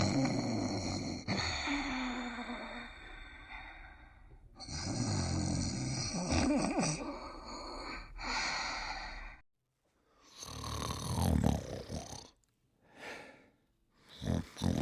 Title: The Dog Crew (TV Series) (1990-1992) Characters Sleeping and Snoring